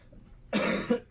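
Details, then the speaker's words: Single loud, harsh cough burst, about half a second with a brief rough second push, in a quiet room, from an adult who says he is recovering from COVID. "telling me there's someone in here with a glorious cough and they gotta hear it you're missing out if you haven't ever heard ever today before tomorrow if you've never heard me cough you gotta hear it"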